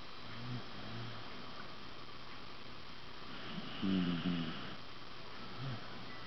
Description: 14 year old Wire Fox Terrier snoring